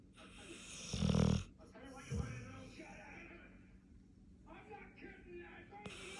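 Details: A sleeping female pit bull snoring loudly: low, rumbling, snort-like snores with rough, rattling breathing sounds.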